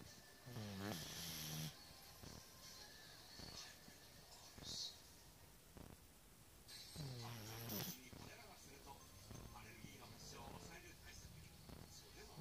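Two loud rattling, vibrating snores on breathing in, separated by quieter breaths, with faint room noise between them: ordinary snoring.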